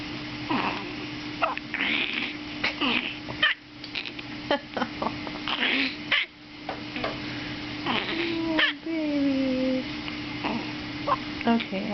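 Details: A baby girl's brief, abrupt hiccups recur through the clip, with small vocal squeaks and steady room hum; she often gets hiccups.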